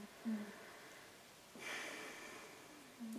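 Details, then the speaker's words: Soft rhythmic breathy snoring with faint low tonal snorts on inhalation from a sleeping cat, heard faintly in a quiet room. "it's actually my cat snoring and i think it's because they're sleeping together so i'm not sure if it's oliver or manics but yeah that's that's a cat snoring"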